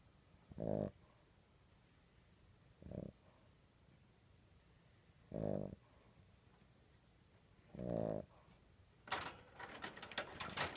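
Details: Snoring, with sneezing mentioned in the caption: short, soft snorting snores every two to three seconds in a quiet room, followed by a burst of rustling noise.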